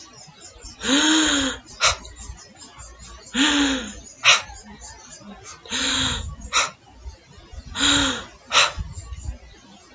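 An imitation of normal vesicular breathing: four repeated cycles, each a longer, soft, partly voiced inhalation followed by a brief exhalation, at roughly 25 breaths a minute. Normal breath sounds over the lower lung fields have this short expiration.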